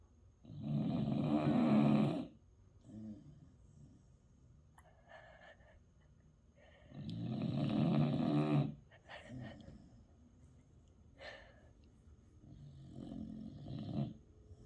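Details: Two long, rumbling snores about six seconds apart from a sleeping dog, with softer breath sounds between.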